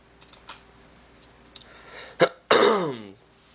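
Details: Faint clicks, then one sharp cough burst and a longer voiced throat-clearing in a quiet room, from a vlogger having a cough-filled day.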